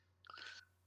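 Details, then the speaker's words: Teeth grinding (bruxism) in a rabid bovine losing saliva: brief gritty, squeaky grating burst over low electrical hum; rabies signs include dysphagia, foaming saliva and excitation. "fíjense la como empieza a perder saliva si ustedes se acercan se suelen se escucha el rechinar de dientes"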